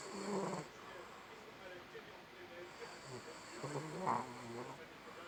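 A dog snores with low rattling breaths and some soft vocal tones in a quiet room.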